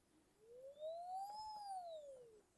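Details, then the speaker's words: A single clear tone rising and falling over about two seconds: beep from a Korean Micro-NX brushless dental micromotor (BLTK 50K/60K) at maximum speed, signalling a switch to continuous operation mode. "Якщо натиснули, зараз буде звуковий сигнал. Десь має бути звуковий сигнал."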